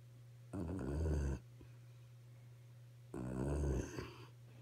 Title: snoring 12-23-15 (2)